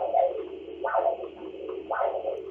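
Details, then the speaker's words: Carotid ultrasound Doppler audio from the mid carotid artery with no plaque or turbulence: rhythmic whooshing pulses at about 57 a minute, a normal smooth flow pattern. "They can also turn on audio so you can hear the flow as the heart beats."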